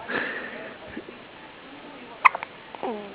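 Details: Soft vocal sounds with a sudden brief sharp catch in the breath from an infant girl at 3:20 in the morning; hiccups.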